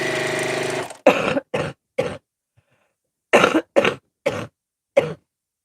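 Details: Adult woman with bronchitis and sniffles: a brief machine hum, then seven short, harsh coughs in two bursts of three and four.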